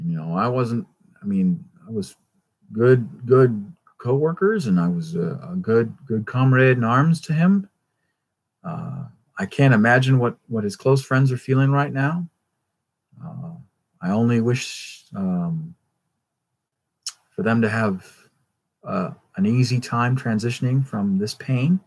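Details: Stuttering in an adult male who attributes his constant stutter to a traumatic brain injury from a rollover car accident in England.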